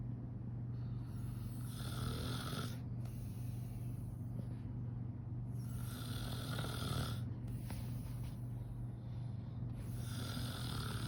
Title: My mom and my grandma sleeping and snoring